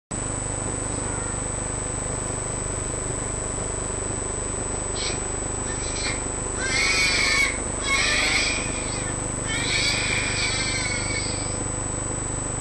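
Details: 2-month-old infant with failure to thrive: high-pitched, squeaky, crowing noises with breaths, inspiratory stridor from a narrowed upper airway.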